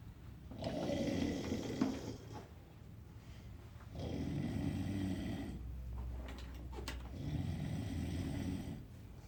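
Loud, coarse rattling snores with each breath, harsh and deep, in a small quiet room.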